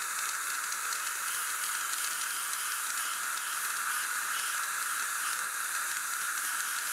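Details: Ultrasonic dental scaler running during an in-office cleaning of tartar, plaque and calculus, with water warmed to body temperature for cold-sensitive teeth; a steady bright hiss of spraying water with a high buzzing edge.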